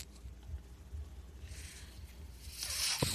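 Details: Podcast host's own mechanical ventilator as he speaks: soft hissing rushes of air rise and fade over a low background rumble, with a brief click near the end, as it delivers breaths; mechanical ventilator.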